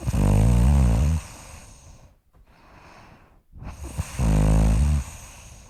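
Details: Loud snoring in a sleeping person: two deep, rattling snores on breathing in, separated by a quiet pause with soft breathing out.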